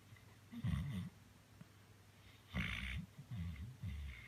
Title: Luggy sleeping so comfortable kicking his paws and snoring 💖